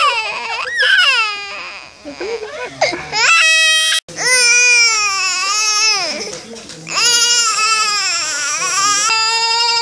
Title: Funny Baby Vibrate When Crying-Funny Baby Videos Compilation 2018